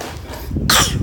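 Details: Voluntary cough from a child: a single brief, forced, deliberate fake cough burst, not from illness.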